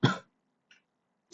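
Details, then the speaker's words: One short, low, rough cough, then near silence, from a person who says they are a bit sick and coughing and sneezing a lot. "a bit sick, which is kind of why I sound so dead and why I'm coughing and sneezing so much. Apologies."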